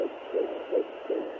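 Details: Fetal heartbeat at 10 weeks 6 days of pregnancy, heard with a Sonoline B 3 MHz pocket fetal Doppler used at home with gel, probe starting under the belly button: rapid, regular whooshing pulses at about 160 beats a minute.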